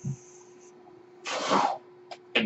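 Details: Speaker's own home mechanical ventilator, audible while he talks: a steady low hum with a half-second rush of air and a few brief clicks; one ventilator breath cycle.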